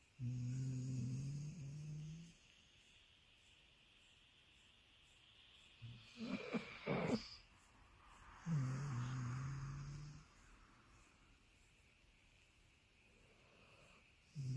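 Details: Sleeping Labradoodle dog in a very relaxed pose, snoring with low buzzing snores and brief whimpering sleep-talk noises in between; normal sleep sounds.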